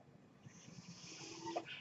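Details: Breathing sound of the speaker's own mechanical ventilator during speech: a soft, rising hiss of pushed air with a low rumble and a brief faint tone as a breath is delivered.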